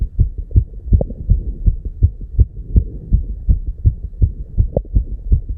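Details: Very fast, regular, low thumping heartbeat with beats in quick succession; real recorded heart sound at 290 beats per minute, tachycardia.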